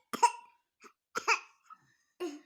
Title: cough mimicry by cute baby boy 😂😂😂😂😂😂😂😂😂😂😂